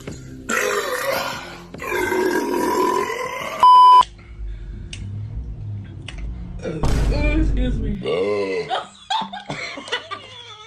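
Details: Several long, loud, gurgling burps after drinking Sprite in a burping challenge, with a brief beep between them and voices in a small room; person had stomach ache beforehand.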